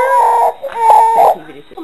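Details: Infant startled by mother's loud sneeze: two loud, tonal wailing cry bursts separated by a brief pause; a fussy infant cry.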